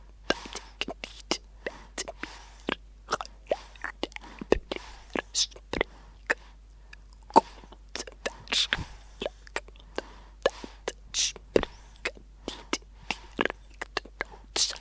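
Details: 1964 recording of a laryngectomy patient using buccal speech, a first substitute method producing only explosive consonants p, t and k; patient previously communicated by writing: buccal speech after laryngectomy.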